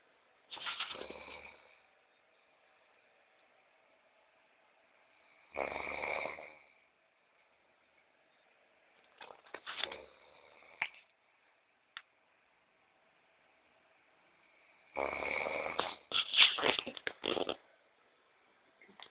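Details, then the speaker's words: Friend sleeping and snoring: four loud, rough snoring bursts separated by quiet pauses, in a quiet room. "Vamos filmar o nosso amigo dormioco roncando"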